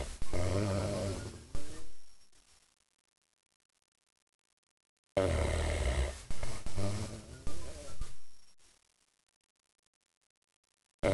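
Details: Loud, rough, low rumbling snores from a big dog napping, about one every five seconds, with quiet pauses between them; snoring.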